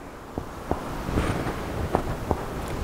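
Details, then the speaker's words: Finger percussion over the upper chest at the lung apices: four soft, low-pitched taps with a brief hollow ring, normal lung resonance on percussion. "es normal y que la tenemos dispuesta también en otras regiones del tórax."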